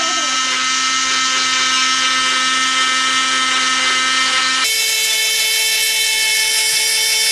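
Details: Oscillating cast saw removing a patient's plaster cast that was worn for a month: a loud, steady high-pitched whine whose pitch jumps as the blade cuts through the cast and padding.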